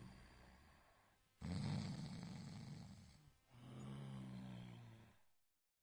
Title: Snoring Long SOUND Effect